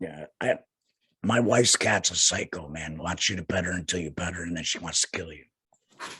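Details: Adult male laryngectomee speaking with a tracheoesophageal puncture voice prosthesis that was changed a couple of weeks earlier; tracheoesophageal voice after laryngectomy.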